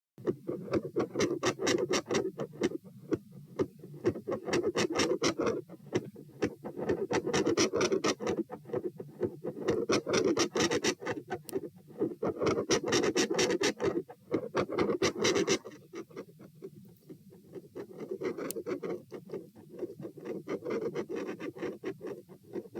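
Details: Heart sounds recorded at position P while standing: fast, scratchy beats about 128 per minute with a dramatic sudden volume drop and phasic waxing-waning intensity; pressure changes, possible PFO shunt questioned.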